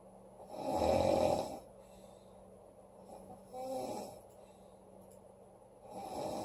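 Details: Woman snoring loudly: loud, rasping snores on the breath in, with quieter breaths between, in a quiet room.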